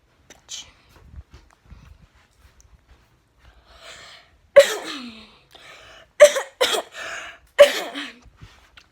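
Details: A few loud, harsh single coughs after quiet breathing and rustling from a child kept home from school and seeing a doctor; cough.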